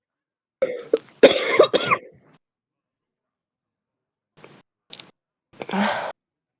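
A run of harsh, deep coughs followed by a pause, a few faint ones, then another strong burst: a chesty smoker's cough.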